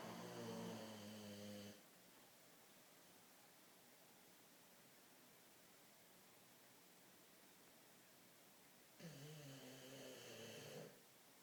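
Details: Sleeping dog snoring: two long, buzzy, rattling inhaled snores separated by about seven seconds of quiet.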